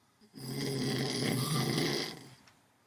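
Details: Sleeping during a morning nap, one drawn-out rough, rattling snore on an in-breath in a quiet room; snoring.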